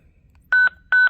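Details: Two short, loud electronic beeps from a button press on a Zoll X cardiac monitor/defibrillator, heard while its charge and disarm controls are demonstrated.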